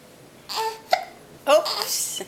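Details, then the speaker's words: An infant makes brief voiced sounds with a sharp catch in the middle while fussing in a quiet room: ordinary infant hiccups. "No, he has the hiccups. Oh, hiccups again. Yep."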